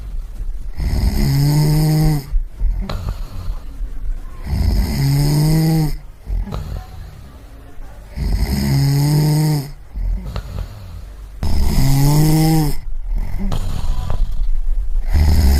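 Loud, rattling snores on inhalation, roughly every 3.5 seconds, with quieter breaths out between them.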